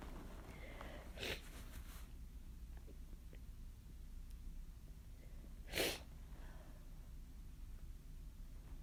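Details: Two forceful sneezes a few seconds apart, brought on by chhinkni, against steady low room hum; strong sneezing.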